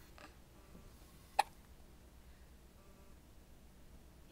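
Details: A single brief, sharp hiccup in a quiet room with low background hum; hiccups.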